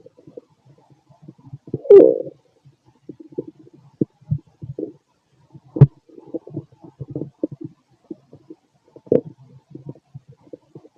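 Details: Irregular gurgles, rumbles and clicks of active bowel sounds auscultated over an adult male abdomen; stomach growling.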